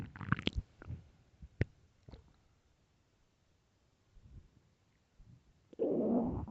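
Scattered gurgles and squelches followed by a longer low rumbling growl, typical hunger stomach growling, a normal bowel sound.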